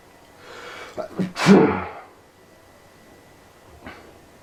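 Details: A brief indrawn build-up, one loud explosive sneeze, then quiet with a faint sniff, in a person with allergies flaring again, reported as causing a raging headache: a single allergic sneeze.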